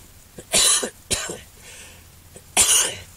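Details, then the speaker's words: Man with a severe case of flu and high fever, sitting by a fire in a warm, smoky wickiup sweat lodge: three dry, breathy coughs with quiet pauses between, his lungs feeling on fire. "not from the smoke that's from the flue blowing on the fire just my lungs are on the fire"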